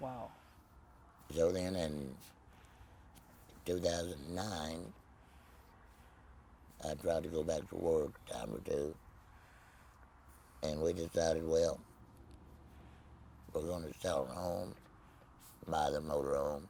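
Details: Tracheoesophageal speech in an adult man after laryngectomy with no voice box, speaking with a Provox voice prosthesis.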